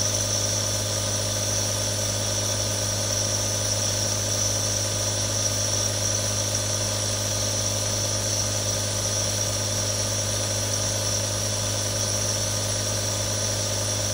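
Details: Real recording of a nebulizer running: a steady, continuous mechanical compressor hum and buzz, unchanged throughout.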